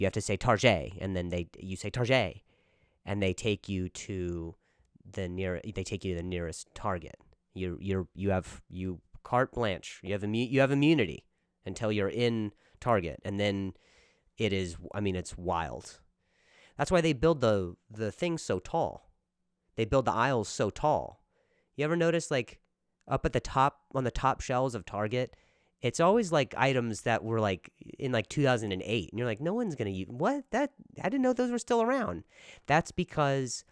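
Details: Adult male comedian speaking casually on his own podcast; stuttering.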